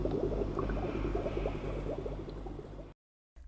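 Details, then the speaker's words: Bubble CPAP setup for a baby, bottle filled with six centimetres of water: tubing pinched to check bubbling; steady gurgling bubbles show the circuit is working. "also make sure to check if it's bubbling by pinching the Bronx and see if the water is bubbling"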